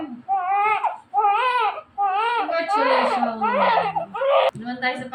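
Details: Strong, rhythmic, high-pitched wails about one a second from a newborn baby girl just after normal vaginal delivery, adult voice underneath; vigorous first cry after birth.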